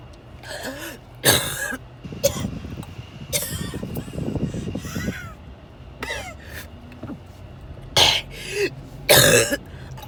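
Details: Coughing fit recorded during a car ride to the hospital ER: repeated harsh cough bursts with throat clearing and strained breaths between, over steady car road noise.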